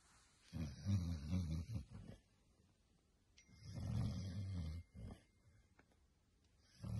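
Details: Low, rattling in-breaths about 1 to 1.5 seconds long separated by quiet pauses; snoring.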